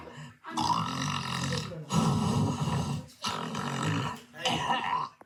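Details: Snoring replayed from a cartoon (Endless Numbers 70): loud, rough, drawn-out snores repeated in exaggerated bursts.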